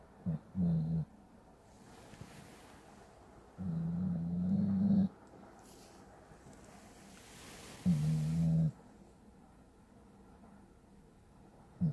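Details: Deep, humming snores about 15 a minute, low and fairly even, with quiet breathing between: loud human-like snoring from a sleeping pit bull.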